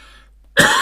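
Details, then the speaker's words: An adult with an awful cold and a hoarse voice gives a single abrupt, harsh cough burst after a brief quiet moment, cut off at the end; cough. "By the way, if I sound a little bit hoarse, it is because I have got an awful cold at the moment. So it's taking part of my voice out."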